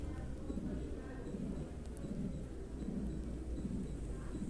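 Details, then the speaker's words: Aortic stenosis: early systolic ejection click followed by a rough systolic ejection murmur, with a diminished second heart sound, which decreases as stenosis becomes more severe; teaching audio for valvular disease. "En la segunda parte del audio, el segundo ruido está disminuido de intensidad. Y eso ocurre en la estenosis aórtica conforme se va haciendo más severa."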